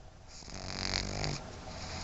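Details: Sleeping dog sedated after a small dose of vet-prescribed Benadryl for allergies (sneezing, itchy watery eyes); a single rough rumbling snore rising and fading over about a second; snoring.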